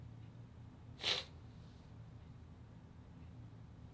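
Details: Cat (Kana) giving a single short, sharp, hissing sneeze against quiet room hum; sneeze.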